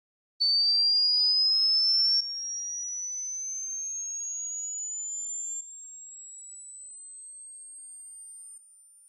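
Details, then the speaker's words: High-frequency hearing test tone played at successive levels, each harder to hear, claimed audible only to babies: pure high-pitched tone rising steadily and stepping down in loudness. "now i will show you different levels of this high frequency sound and at each level it's gonna get harder and harder to hear until it reaches the point where only babies can hear it"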